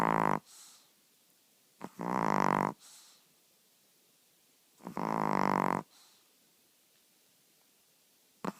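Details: Elderly female chihuahua who sleeps with eyes open, snoring that grows louder through the night: loud buzzing snores of about a second each, separated by quiet pauses, around 20 breaths a minute; snoring.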